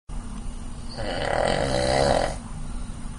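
One loud, rattling snore on the in-breath, with steady background hum.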